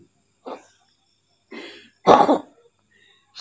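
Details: Three short, harsh, wet-sounding coughs, the last loudest, from a pet cat coughing for several days, severe for three days with loss of voice, relapsing while asleep; persistent cough.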